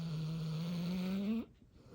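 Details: Dog in deep sleep giving one long, low, steady buzzing breath that cuts off abruptly; dog snoring.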